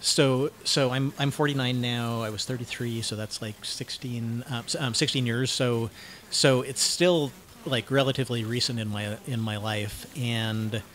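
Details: 49-year-old man diagnosed with cluttering, self-described syntactic subtype, using learned fluency techniques while speaking; his speech changes when recorded; cluttering.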